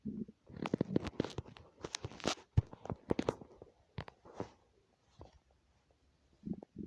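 Dense gurgling and squelching with low rumbles, then quieter pops, ordinary hunger growling of the stomach and bowel.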